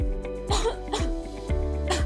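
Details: Acted dry cough in a cough syrup advertisement: three short, dry cough bursts cutting across steady background music during dance rehearsal.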